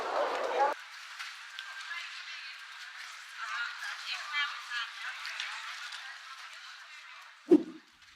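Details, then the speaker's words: Simulation of severe low-frequency hearing loss on a typical street: thin, tinny street noise and faint voices with deep sounds removed. "and someone with severe low frequency hearing loss would hear something like this"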